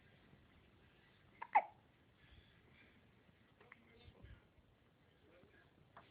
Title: Hiccups:)